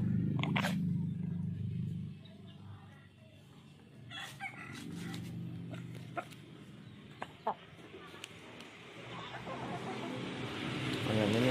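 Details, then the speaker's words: Young Bangkok-type rooster with "ngorok" (snoring cold) and heavy mucus in the throat, not yet treated: low, wet, rattling snore-like noise with each breath, faint clucks and clicks; rattling respiratory noise. "suaranya temen-temen agak berat dia kayak ada lendir di tenggorokan nya kayak manusia ini kalau pilek ya hampir sama lah jadi ini harus segera diobati nggak nanti malah makin parah ngoroknya"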